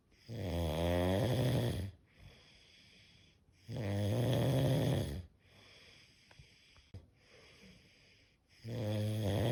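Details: Five minutes of continuous snoring during sleep, presented as relaxing sleep sound.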